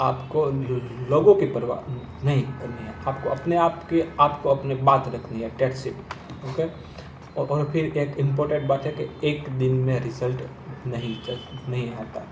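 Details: Man who stammers, speaking Hindi while practising the slow speech technique; stuttering.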